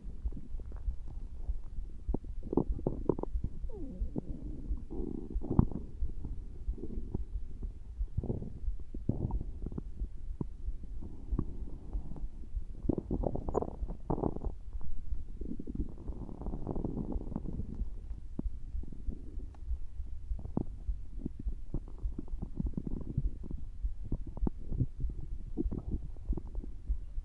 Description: Sounds like is still feeling those hunger pangs! If his stomach is growling again, it likely means his body is still signaling the need for food.